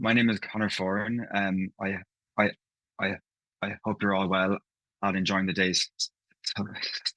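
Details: Stammering (stuttering) in an adult man, a person who stammers; part-word and whole-word repetitions audible in his speech.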